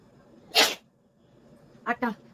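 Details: One forceful sneeze, then two quick voiced sneeze bursts close together, three sneezes in all, from a woman during a sneezing challenge.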